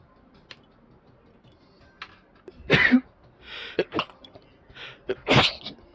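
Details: Two sharp, explosive sneezes with softer snuffling sounds between them, in a quiet room; sneezing.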